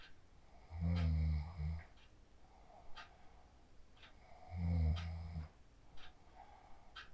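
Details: Sleep snoring recorded on a mobile phone after practicing the 4-7-8 breathing technique: two deep, rattling, low snores on breathing in, with quieter breathing between.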